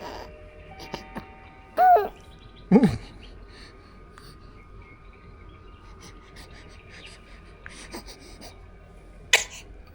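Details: A few short, sharp sneezes from a 47-day-old infant, among quiet room sounds and soft adult murmuring; an ordinary baby sneeze.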